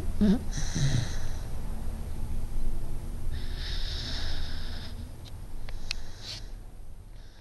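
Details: Sleeping dog: snorting, rattling breaths with hissy airflow and low rumbles, about two breath cycles in seven seconds; snoring.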